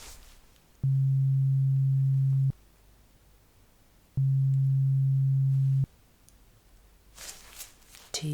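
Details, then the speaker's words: Role-played ASMR hearing test (simulated audiometry): two steady low beeps, each about 1.5 seconds long, while the listener is asked to report hearing the beep; faint rustling follows. "Now, once again, let me know when you hear the beep sound."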